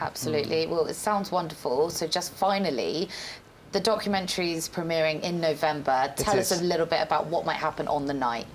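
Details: Adult woman, interviewer; Ordinary fluent speech.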